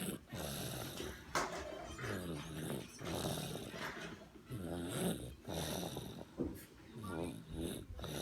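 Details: Sleeping dog snoring: about seven or eight rhythmic cycles of rumbling, snorting breaths with a rattling quality.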